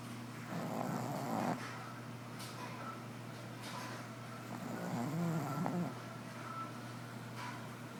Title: Jackson the snoring Shih Tzu